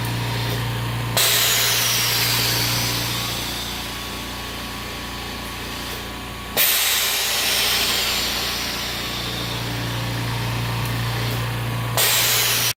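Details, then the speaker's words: Homemade DIY oxygen concentrator cycling its sieves, compressor with cooling fan, output reading about 96.9: steady compressor hum with a loud hissing valve release about every five and a half seconds. "i'm gonna go into the compressor and this will get it going we're also using a cooling fan next to the compressor [Music] this fan keeps it cool because after several hours of running"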